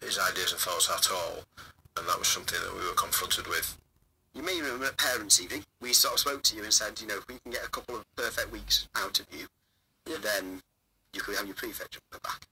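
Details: Adult male speaker; normal fluent speech.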